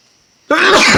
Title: Little spray for you...open sneeze